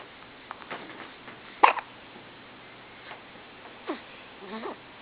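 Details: Hiccups: a few brief, sharp catching sounds at irregular intervals over a quiet background.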